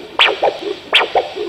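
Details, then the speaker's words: Two rhythmic whooshing pulses, sharp rising swish then softer echoing components, about 80 a minute: normal brachial artery signal on pocket Doppler at the elbow crease, cuff on arm, measuring ankle-brachial index; right brachial pressure 120 mmHg. "recherche le signal le plus fort de l'artère numéral"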